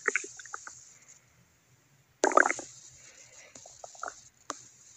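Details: Irregular bursts of bubbly gurgling and rumbling with quiet gaps over a steady background hiss: stomach growling (borborygmi).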